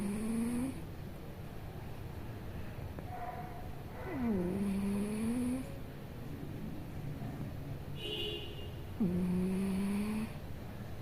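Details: A sleeping cat snoring: soft whistling, squeaky nasal tones repeat about every four seconds with each breath over low background hum.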